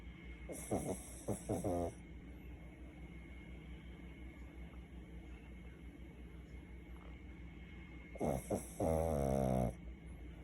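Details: Lulu cuddled up on owner's lap, sleeping and snoring: two bouts of rattling, fluttering breath noise with quiet breathing between, over steady room hum.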